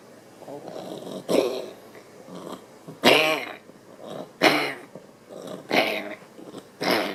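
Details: Sleeping dog snoring: loud, rough snorting snores with each breath, about five in seven seconds, during the first 20 seconds before it wakes and has reverse sneezing.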